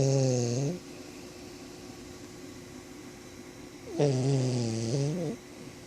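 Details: Snoring: two loud, low, buzzing snore sounds separated by a quiet pause of about three seconds.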